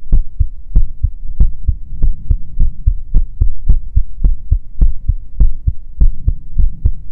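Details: Steady deep thumping heartbeat, about 100 beats a minute, over a low constant hum, made as heartbeat ASMR in character as Immortalized Ahri; ordinary heart sounds.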